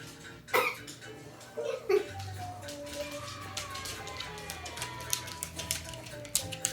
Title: cough